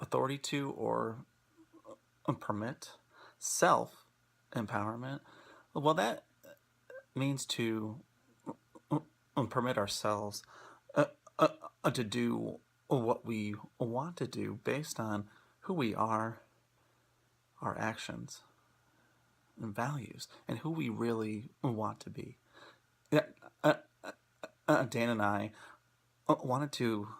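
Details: Adult male speaker; stuttering.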